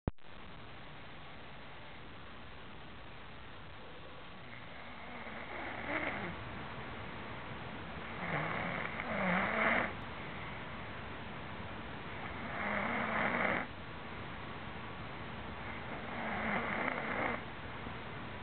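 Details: A man (boyfriend) asleep, snoring: repeated harsh, rasping snores, about four over fifteen seconds, with steady background hiss.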